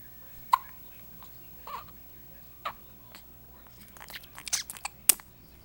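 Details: Infant with hiccups: short, sharp catches at irregular intervals, with soft baby noises near the end; hiccups.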